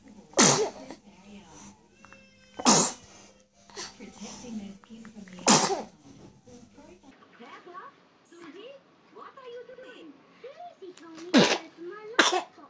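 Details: Several short, high-pitched infant sneezes with babbling and soft music between them; ordinary baby sneezing in a compilation of babies sneezing repeatedly.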